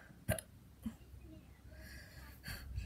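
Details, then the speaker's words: Person recording himself for his own channel gets the hiccups: soft, abrupt gulping sounds in a quiet room, spaced a few seconds apart; hiccups. "know, when I was ready for the one and only action. I got the hiccups."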